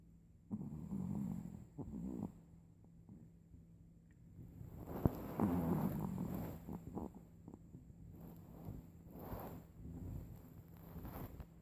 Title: ChiChi Snoring